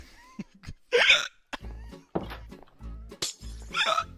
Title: gets hiccups